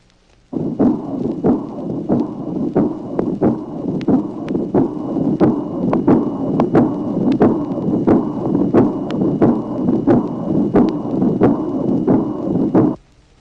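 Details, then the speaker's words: Aortic regurgitation on a 1966 teaching recording: heart sounds at about 90 a minute with a soft, blowing, aspirative diastolic murmur beginning with the aortic second sound, plus a systolic ejection murmur. "Tracé numéro 20. Insuffisance aortique, présence d'un souffle diastolique, doux, fumé, aspiratif, qui débute avec le deuxième bruit aortique. Il existe également un souffle d'éjection."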